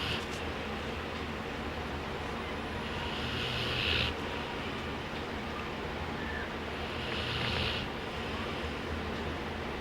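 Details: Sleeping man snoring: two noisy, rasping snores above a steady background hiss, at roughly a normal sleeping breath rate.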